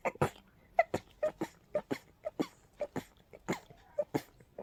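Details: A rapid run of about a dozen short, sharp sneezes with hardly a breath between them; allergic sneezing fit in a person highly sensitive to pollen and dust, without allergy medication at hand.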